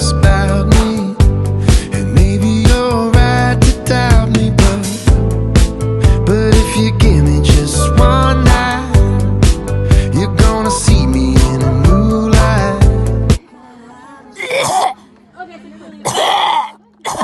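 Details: Two friends coughing right after dancing: upbeat pop music ends, then a few short, harsh coughs from both after exertion.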